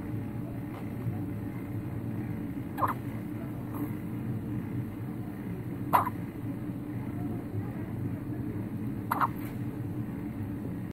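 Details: Newborn baby, 5 days old, with hiccups: three soft, brief hiccup sounds a few seconds apart over low room noise, typical of infant hiccups.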